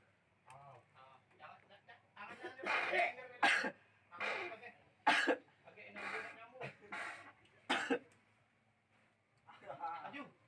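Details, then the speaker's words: During gurah (traditional nasal herbal treatment) for phlegm and a runny nose, the patient gives repeated wet coughs, throat clearing and hawking in quiet pauses, trying to bring up phlegm: a productive cough. "Yang berdahak, yang beringus, silakan dibentukkan sebanyak mungkin, semakin bagus."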